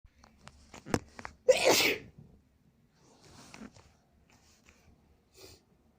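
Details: Small sniffs and a catch of breath build to one loud explosive sneeze triggered by pepper, then quieter breathing, nose sounds and nose blowing; sneeze.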